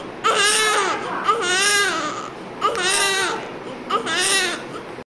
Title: Healthy CRY 😭😭 just after birth of NEWBORN BABY